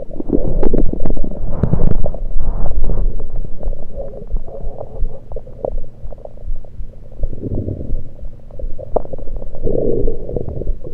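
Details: Irregular low gurgling and bubbling over the stomach, recorded with a USB electronic stethoscope; only liquids taken at the time, cause unknown to the recorder: ordinary active bowel sounds.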